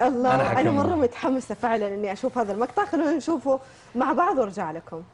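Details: Adult female speaker; Normal fluent speech.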